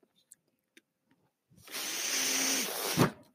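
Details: The podcast host's own mechanical ventilator, heard while he speaks: faint clicks, then a steady rush of air lasting about a second and a half, ending in a soft thump, a ventilator delivering a breath.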